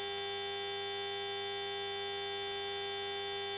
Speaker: Okay out of you out there deal with tinnitus that ringing that you always hear in your ears if you do you'll know this is exactly what tinnitus sounds like